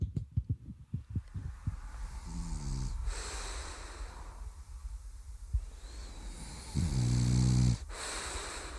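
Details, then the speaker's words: A sleeping bulldog snores with loud, buzzing breaths in after a burst of short snuffly snorts: dog snoring. "we could play them out with the sound of some bulldog snoring I know that always goes down well okay"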